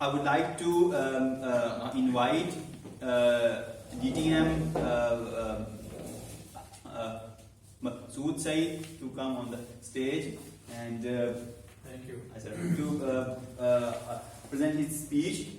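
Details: Adult man who stammers, in a stammering-focused speaking club for about eight to nine months and has learned to accept it; stuttering.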